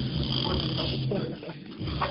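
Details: A sleeping pet breathes with a low, rough, rattling rumble and a brief snort-like surge near the end. Snoring.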